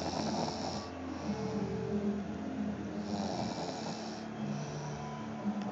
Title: Somebody snoring